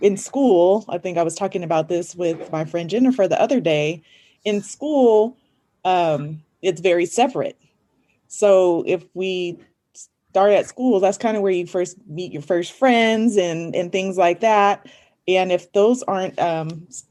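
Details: Adult speaker, likely female; Normal conversational speech.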